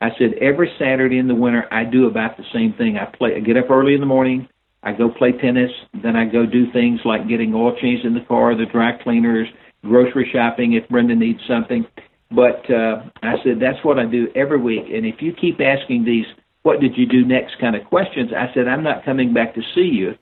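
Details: Adult man; normal speech.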